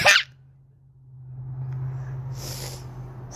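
A single short, sharp sneeze burst, then a steady low hum and faint hiss of background noise.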